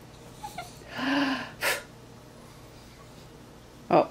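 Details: Dog prompted to sneeze by owner imitating a sneeze: a drawn-in breath, then a sharp nasal burst of air and a later short snort; sneezing.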